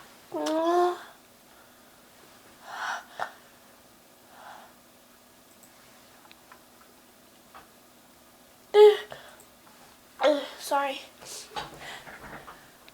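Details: Repeated sneezing from a person feeling very sneezy all day: a run of about five loud, voiced, high-pitched sneezes, some preceded by a short intake of breath.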